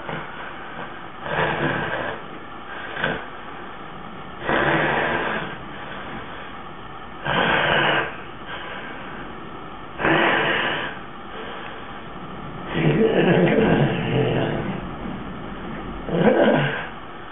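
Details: Adult father's sleep with suspected sleep apnea: loud, rough, uneven snoring bursts with gasping, typical of obstructive sleep apnea.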